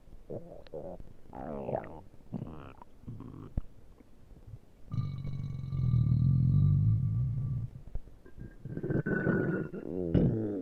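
Low, drawn-out gurgles and squeaky rumbles from the belly with a steady faint background hum. Ordinary stomach growling.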